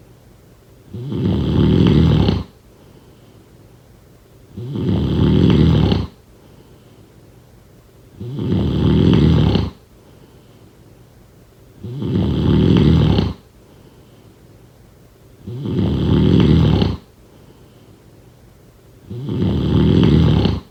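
Deep, regular snores about every 3.7 seconds, around 16 breaths a minute, steady and loud. Typical sleep snoring.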